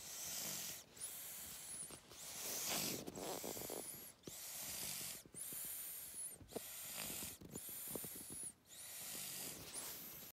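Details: Snoring recorded March 11, 2018.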